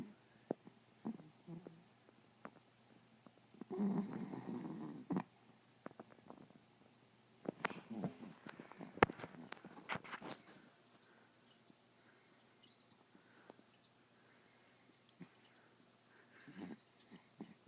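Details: Sleeping 5-month-old Pembroke Welsh Corgi puppy snoring: quiet, irregular snoring and snuffling, with a few rustles and clicks in the room.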